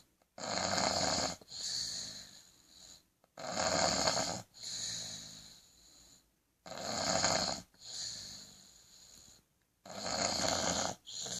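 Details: Regular wheezy, whistling snores at about 19 breaths a minute, each inhale followed by a softer exhale; snoring.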